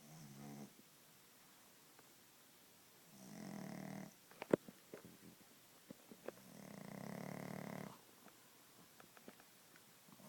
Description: Rosie gets comfy on the couch and then starts snoring a lot.